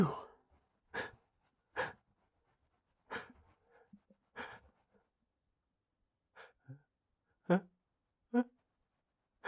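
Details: Allergy sneezing, frequent over the past week: a series of short, sharp sneeze bursts with catching buildup breaths and small sniffs in between.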